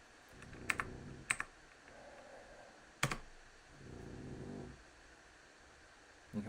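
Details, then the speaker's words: Sleeping dog snoring: soft, low rumbling snores partly masked by sharp keyboard clicks. "probably hear my dog snoring right now next to me as well"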